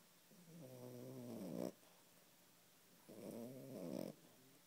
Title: Snoring Yorkie